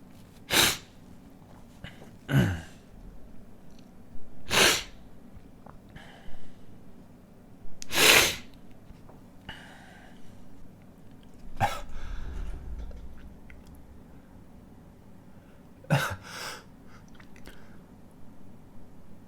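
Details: Adult inducing sneezes with a stiff paper tag in the nostril: six sharp, explosive sneezes over about twenty seconds, with soft breathing and sniffing between them and faint background music.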